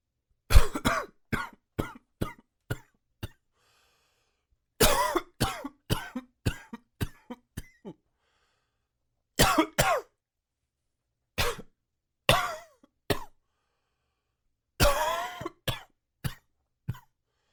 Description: Forgot to take my allergy meds last night, so I woke up with this hacking little cough this morning.